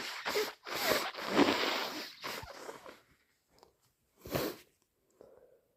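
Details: Person with a cold: several wet, forceful nose blows, then a single sharp sneeze, with congested nasal sounds.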